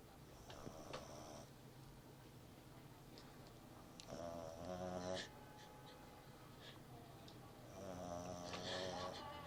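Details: Puppy snoring while asleep on a table: rattly, whistling breaths about every few seconds over quiet room noise.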